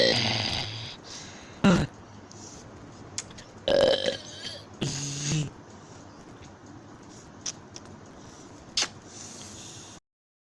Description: Watch me say the alphabet in burp talk